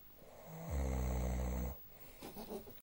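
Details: Snoring during sleep: one loud, deep, buzzing snore of about a second on the in-breath, followed by quieter breathing.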